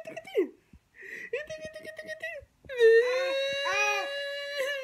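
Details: Infant crying whenever his mother cries: tonal wailing with brief whimpers and sobbing gasps, with the mother's crying voice mixed in.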